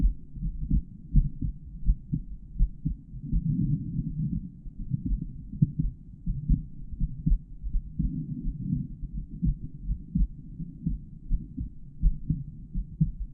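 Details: Adult male heart auscultated over the valve areas, recorded with a microphone inside the stethoscope earpieces: a steady low thumping heartbeat with normal heart sounds and some faint rubbing noise.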